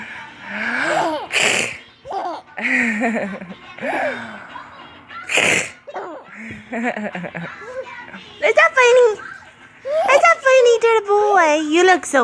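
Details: An adult sneezes a couple of sharp bursts, and a baby giggles and laughs in response.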